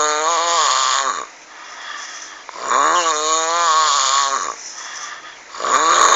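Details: Snoring, described as frightening: loud, rattling snores with a strong buzzing tone, about 20 a minute, each fading off at the end of the breath, recorded on a mobile phone.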